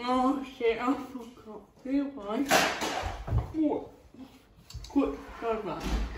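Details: Female with cerebral palsy talking while feeding herself with a Neater Eater feeding aid; dysarthria (cerebral palsy), inferred rather than stated as a diagnosis.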